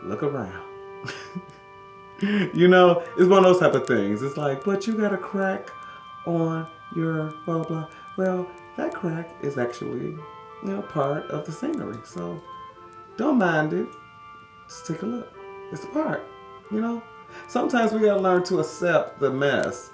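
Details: Adult man who has stammered for practically his whole life, with stuttering (stammering).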